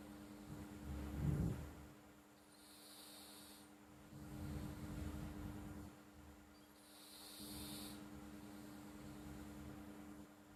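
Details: Pet cat sleeping: soft, low snuffling snores with faint whistly, hissing out-breaths over a steady background hum; harmless snoring.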